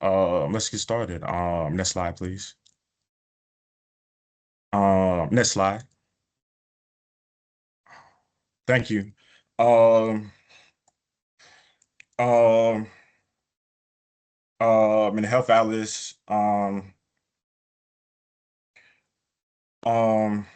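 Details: Stuttering in an adult male epidemiologist who stutters, with prolongations, blocks and repetitions.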